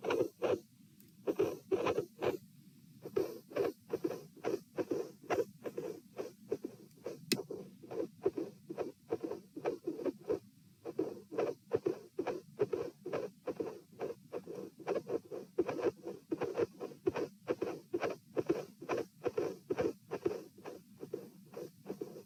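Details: Stethoscope heart sounds at position P during a stress test, lying, sitting and standing, with dilated aortic root: irregular rhythm around 66–72 bpm with midsystolic murmurs and a cyclic extra, split-sounding second heart sound.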